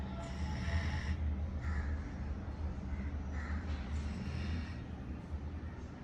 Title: Rudhra snoring💤💤😴 while sleeping 😂🤣 #puppy #bullykutta #labrador #dog #doglover #snoringasmr